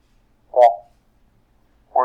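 Two brief, muffled spoken words with the crisp high consonant sounds missing, as filtered speech simulating hearing loss makes words hard to recognise.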